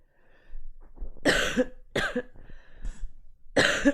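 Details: Adult woman streamer who says she is really sick with a sore throat, giving three short, moderately loud cough bursts with a throat-clearing quality.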